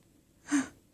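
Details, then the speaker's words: Infant hiccup: a single abrupt, brief gulping sound with a short voiced catch in a quiet room. "What's that? Oh boy. Hiccups."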